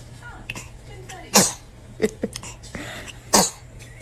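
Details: Two small, sharp sneeze bursts from a baby, with soft vocal sounds and faint room noise between them.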